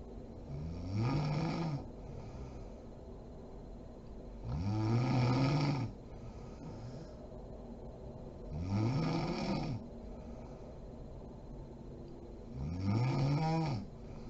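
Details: Mother (adult woman) asleep: loud rattling snores on each in-breath, about 15 a minute, with quiet out-breaths between; sleep snoring.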